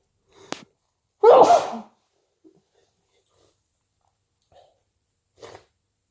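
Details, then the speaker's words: A person with a cold takes a sharp breath, then gives one loud explosive sneeze, followed by quiet breathing and faint sniffs. "I need to sneeze. Oh, bless me. I need to sneeze. I need to sneeze. Bless me. I need to sneeze again. Bless me."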